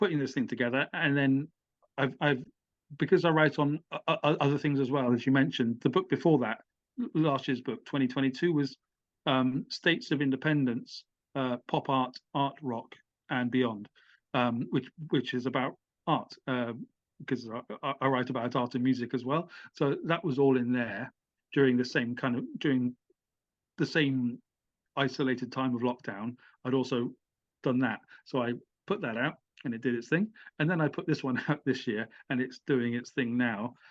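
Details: Adult British man who has stammered since childhood, with blocks; he had speech therapy including voluntary stammering and replacement sounds, uses small repetitions as a technique, and says the stammer became less intense with age; stuttering (stammering).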